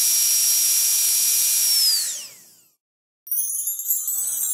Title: SCARRY DENTIST DRILL SOUND EFFECT 1